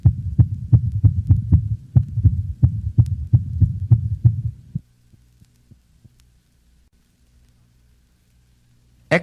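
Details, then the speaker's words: Heart of a dog in atrial fibrillation: rapid, irregular rate with heart sounds of varying intensity from variable ventricular filling. "notice the irregular rate and variable intensity of heart sounds of a dog in atrial fibrillation"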